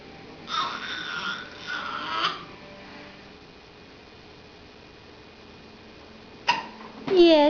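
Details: Four-month-old infant vocalizing, then a single abrupt, sharp catch in the voice typical of a hiccup, followed by more voiced sound; infant hiccups.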